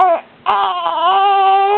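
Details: Infant boy crying with a loud, sustained high-pitched wail after a brief pause, upset by hiccups he gets several times daily; ordinary infant crying.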